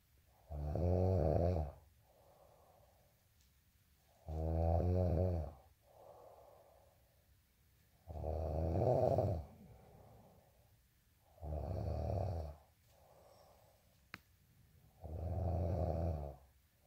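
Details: Loud, rattling snores on each breath in, with quieter breaths out between, about 16 breaths a minute; snoring, recorded as an ASMR clip alongside teeth-grinding tags.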